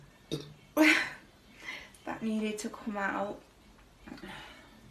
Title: Nice burping